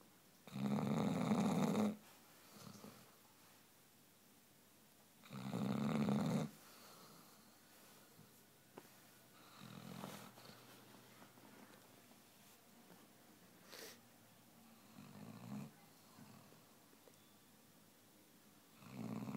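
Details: Daisy the snoring basset hound: loud rattling snores about every four to five seconds with softer snuffling breaths between.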